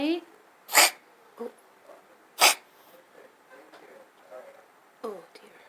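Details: 5-year-old female calico cat wakes from sleep with two loud, harsh coughing bursts and gagging efforts between them. The cough began 6 months ago and is worsening; hairball and asthma were ruled out, and the vet suspects acid reflux.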